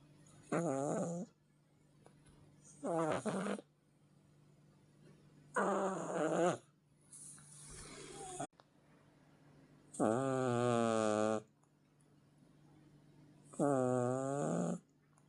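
Loud, regular snoring from a sleeping cat, about five snores over fifteen seconds, each a drawn-out rattling breath with a whistling, wheezy tone.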